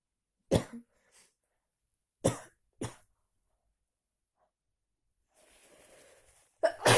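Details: Sneezing after a walk in heavy, cold rain without an umbrella: several sharp explosive bursts, the last preceded by a drawn-in breath, in a quiet room.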